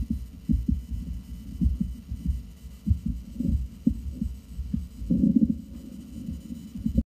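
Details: Low, dull, somewhat unevenly spaced heart sounds from a Cavalier King Charles Spaniel sitting on the exam table, recorded with a Bluetooth stethoscope at the heart apex, 5th intercostal space, over the mitral valve.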